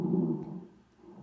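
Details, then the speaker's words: Rhonchi on auscultation of the posterior chest wall: low-pitched rumbling, snore-like breath sounds from movement of secretions in the bronchi and trachea. "ruidos de tonalidad grave se producen por el movimiento de secreciones en bronquios y tráquea"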